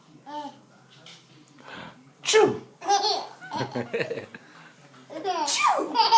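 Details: 7.5-month-old baby laughing at sneezes: sharp, ordinary sneezes mixed with the baby's laughter and some voices.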